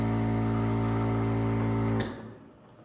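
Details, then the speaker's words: Steady loud motor hum for two seconds ending abruptly with a click: portable suction unit set to adult, rigid catheter suction for no more than 10 seconds on an unresponsive breathing patient during a simulated NREMT airway skills test. "I'm going to go ahead and plug the hole and apply suction in a circular motion on the way out for no more than 10 seconds."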